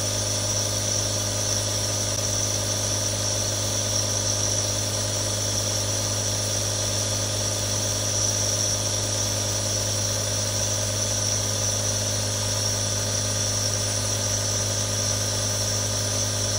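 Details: Real sound of three different nebulizers running: steady mechanical hum with constant hiss, no change over time.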